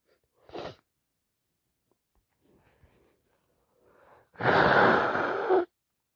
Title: More cold sneezes 🤧